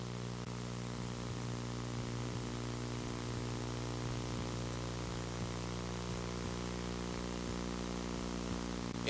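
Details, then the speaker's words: Child with a benign venous hum, heard with the stethoscope bell in the supraclavicular area: a continuous innocent murmur from fast jugular venous flow that disappears when pressure blocks venous return. "now the benign Venus hum represents increased velocity of flow through the J Venus system"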